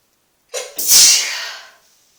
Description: Just a random video of me sneezing in the tub cause I felt like it ;)